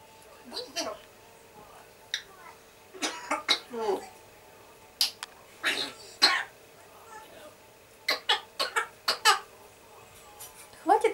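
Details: African grey parrot (Jaco) imitating a man's cough: a string of short, harsh cough-like bursts, with brief human voice.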